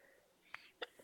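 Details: Hiccups in an infant girl about nine months old, just after a diaper change: two or three short, sharp, soft gulping sounds a fraction of a second apart.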